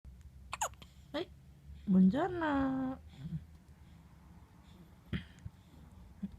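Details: Several brief, abrupt catching sounds from a baby girl, with a short vocal whimper between them: infant hiccups.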